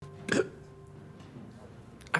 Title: Hiccup treatment (no) 😁 | House M. D. #Shorts